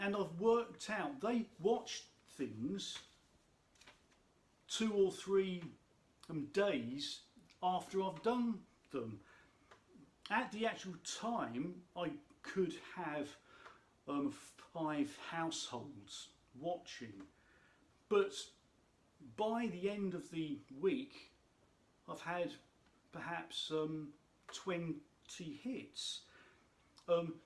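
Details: Adult speaker who states he has a stammer; stuttering.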